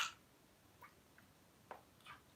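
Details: Cat that lost its meow voice about 4 years ago: mouth opens and only a faint 'ah' comes out; owner likens it to chronic laryngitis; purrs normally, eats and drinks, otherwise fine; attempted meow; aphonic meow (loss of voice).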